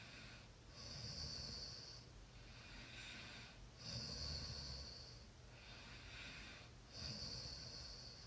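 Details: Soft, airy, whistling breaths in a steady rhythm, about 19 a minute, with a faint snoring rattle; light snoring during sleep.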